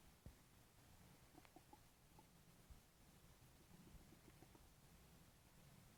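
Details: Stomach noises that continued non-stop for over five minutes: low, quiet gurgles and small squeaks of an active gut, rumbling almost continuously; bowel sounds (borborygmi).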